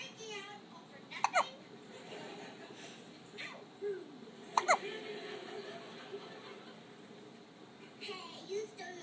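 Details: Hiccups during sleep, age given as 3–4 weeks: sharp, brief hiccup sounds about every three seconds over a quiet background.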